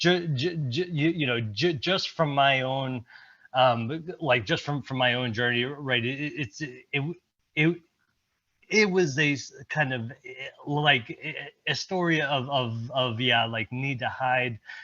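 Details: Presenter at a stuttering-community event, speaking during an improv presentation, with repetitions; stuttering.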